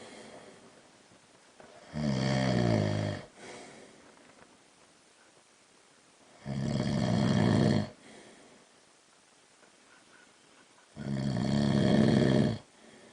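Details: A man (husband) snoring at night in the dark: three loud, rough, rattling snores on in-breaths about every 4.5 seconds, roughly 13 breaths a minute, quiet out-breaths between.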